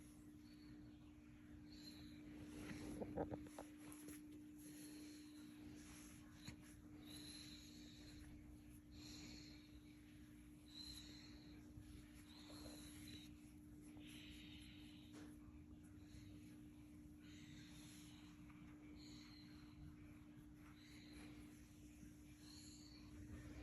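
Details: Doberman named Karma making quiet, rhythmic wheezy breaths like a soft purr, not a growl or bark; some call it a reverse sneeze, others a Doberman thing.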